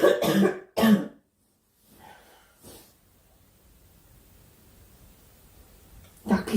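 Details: A girl, who says she is sick and wants the coughing to stop, gives two quick harsh coughs, a quiet pause with faint breathing, then another cough starting; cough.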